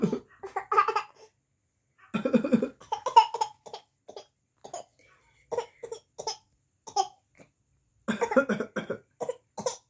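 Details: Young girl playfully imitating her father's cough as an act: short cough-like bursts, not a true cough.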